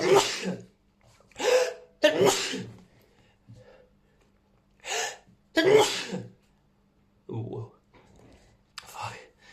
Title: New Chhinkni Sneezes